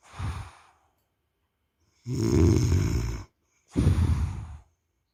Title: खर्राटे की आवाज ... !!! Snoring sound...!!!